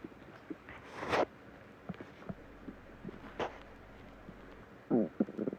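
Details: Stomach growling (borborygmi) in a male: low gurgling rumbles rising and fading amid quiet room noise.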